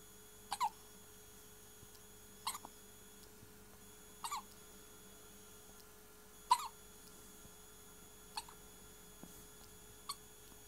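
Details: Six short, squeaky hiccups about every two seconds, roughly 30 a minute, over a steady low room hum; a long-lasting episode of hiccups.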